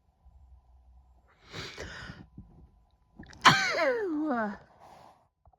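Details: A female with hay fever, worse with flowers indoors, struggles with a held-back, tickling sneeze: a breathy build-up, then one loud, sharp, voiced sneeze that trails off.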